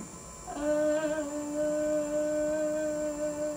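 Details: Normal sustained 'e' from a healthy speech-language pathologist, the third trial with a rigid laryngoscope passed through the mouth.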